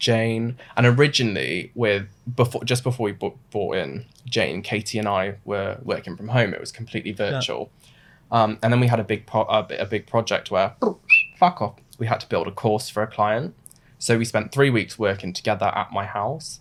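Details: Adult male with Tourette syndrome, diagnosed suddenly in his mid-twenties; involuntary vocal tic mid-sentence; vocal tic (coprolalia) in Tourette syndrome.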